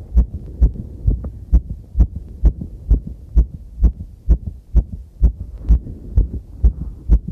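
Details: Own heartbeat recorded while cycling over challenging terrain, heavy noise and clipping: strong regular thumps about 130 a minute; fast heartbeat during exercise.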